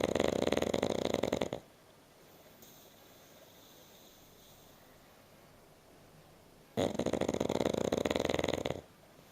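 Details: Pug sleeping and snoring: two long, rattling, fluttering snores separated by several seconds of quiet breathing out.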